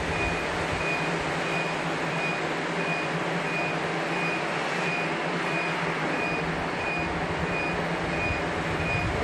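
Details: Evenly spaced short high beeps over a steady fan-like hiss as a laser hair removal device fires pulses on an adult man's back and shoulders, his first session, which he reports as painless (0/10); laser hair removal device beeping.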